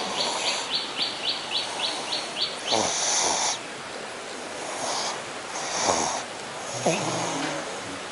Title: Frodo My Pug snoring hard with eyes wide open :D